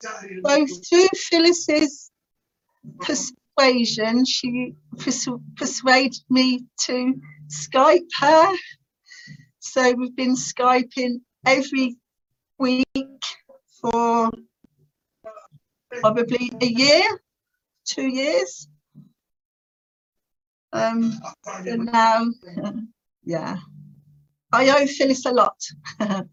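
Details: Adult woman's stuttering (stammer) since about age three, severe through her teens and adult life; now has some control after the Starfish Project speech therapy course.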